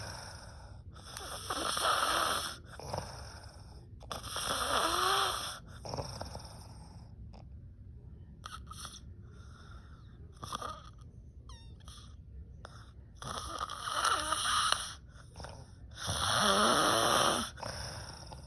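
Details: Aunt snoring loudly while sleeping: loud, rough snores on each breath in, about four snores with quieter breaths between them; heavy snoring.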